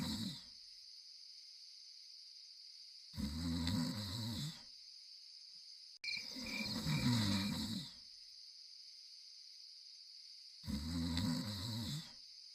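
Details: Zaky sleeping: slow, rough, rumbling breaths roughly every four seconds over steady insect-like background noise; snoring during sleep.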